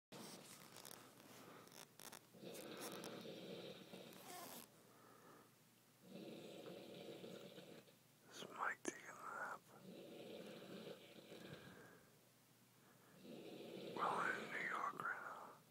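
Repeated rough, rumbling snores about every four seconds, with a brief whisper partway through.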